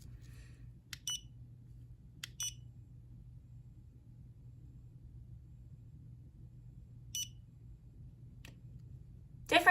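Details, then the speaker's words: Dental curing light cycling in pulsating mode, short high electronic beeps marking timed cure cycles over quiet room hum, during composite filling placement; layers cured about 20 seconds each. "settings for different products so this one's on like a pulsating setting on the curing my other ones are a constant light"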